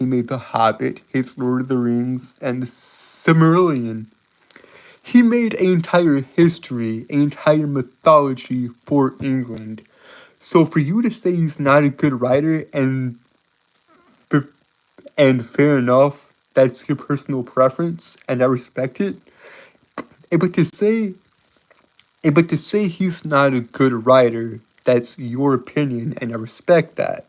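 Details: Adult male who says he has a speech impediment that makes him stutter and trip over his words; stuttering.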